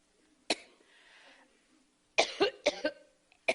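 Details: An adult woman has a cluster of five sharp, dry coughs with a brief pause after the first during a campaign speech in Iowa, then loses her voice; coughing fit.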